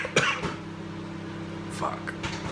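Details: A couple of short, harsh coughs over a steady kitchen hum, from an adult coughing a lot with a squished voice while making popcorn; cough.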